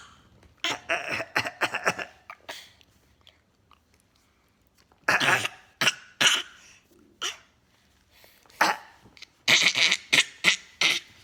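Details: Male clearing his throat: several short, harsh, noisy bursts in quick clusters with pauses between; repeated throat clearing.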